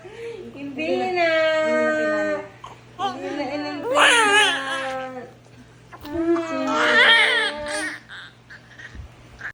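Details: Newborn baby girl just after vaginal birth: three strong, high-pitched crying bursts, each separated by a gasping breath; vigorous normal newborn cry.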